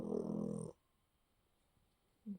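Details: Dog, tagged as a puggle, in deep sleep snoring: a short, rough, vibrating snore followed by silence and the start of another.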